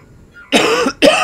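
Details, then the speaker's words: Two harsh cough bursts from an adult with a very bad cough, slightly distant as the speaker turns away from the microphone; cough. "Oh god, I almost had to cough there. Sorry about that. I really do have a very bad cough, and you may hear it 2 or 3 times as I'm doing this."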